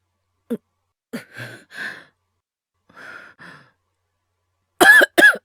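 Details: Acted coughing by a male voice actor, all performed: soft breathy coughs and sighs, then two sharp, forceful coughs at the end; simulated cough.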